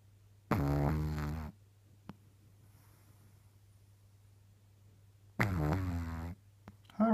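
Two loud, rattling inhaled snores about five seconds apart from a sleeping pug, with quiet breathing between and a low hum.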